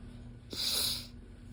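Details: Allergy sneezing fit, sneezing into the elbow or hand: a single sharp, hissing sneeze burst in a quiet room.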